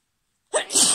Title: Chhikni holdback sneezes (f)